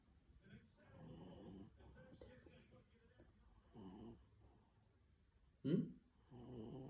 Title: Dog Snoring! 🤣